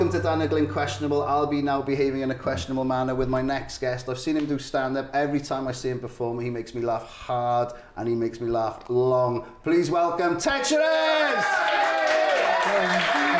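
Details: Adult male speaker; typical speech.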